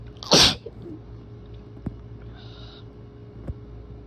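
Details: Seasonal (April) allergy sneeze with itchy nose: one strong, wet, explosive sneeze followed by quiet breathing and small clicks.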